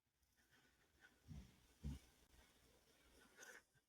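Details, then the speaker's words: Soft, low rumbling snores at intervals under quiet room noise from an old female dog sleeping nearby: a dog's ordinary snoring. "You hear the snoring in the background. That's my old lady dog."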